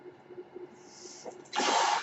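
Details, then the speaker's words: Podcaster's own ventilator during speech recording: low steady hum, then a sudden loud rushing whoosh of air as a breath is delivered; mechanical ventilator noise. "That noise you're hearing is my ventilator, and thank you for tuning in to Page Turners They Were Not, my Star Wars podcast."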